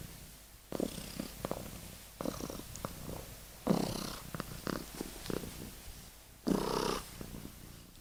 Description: Kitten snoring and deep sleep！